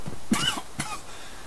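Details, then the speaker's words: Two short, forceful coughs close together over faint room noise from an adult man who says he has smoked weed for 13–14 years and that smoking always makes him cough; cough. "Smoking always makes me cough. I've been smoking weed for forever."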